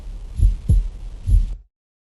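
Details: Low heart sounds with a scratchy, grating quality around each beat: pericardial friction rub.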